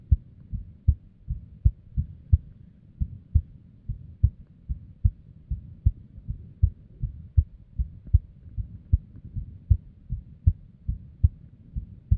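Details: Female's unstable resting heartbeat with arrhythmia and abnormal beats, recorded with a simple microphone or headphone: about 78 beats a minute with uneven spacing; irregular heart rhythm.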